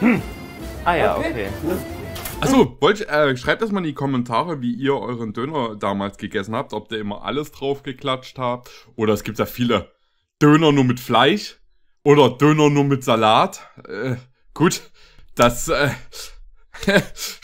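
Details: Adult male speaker; ordinary speech.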